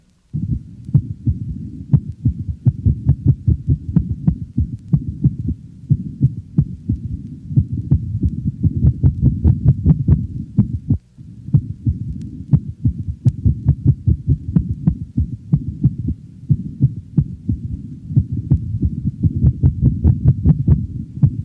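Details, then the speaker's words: Dog with paroxysmal ventricular tachycardia: sudden runs of rapid heartbeats of similar intensity interrupt a slower normal rhythm. "the next sound demonstrates paroxysmal ventricular tachycardia interspersed with a slower normal rhythm"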